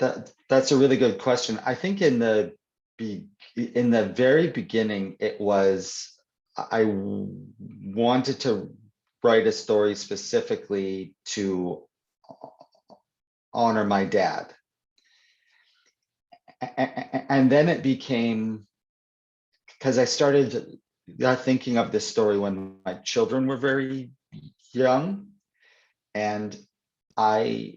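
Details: Adult man who stutters (stammers), greeting a child in an audience Q&A; he says he stutters more when reading than in conversation; stuttering.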